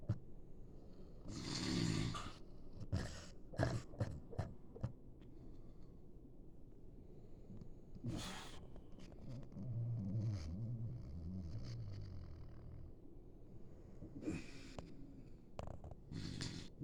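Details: Sleeping German shorthaired pointer (GSP) dog snoring: soft, irregular snorting breaths and low rumbling snores, with a few sharp snuffles in between.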